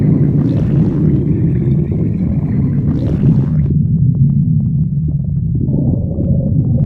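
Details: Loud, long, low rumbling and gurgling with shifting groan-like tones; stomach growling (borborygmi).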